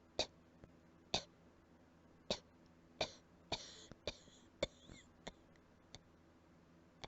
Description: Coughing from allergies some more I guess :)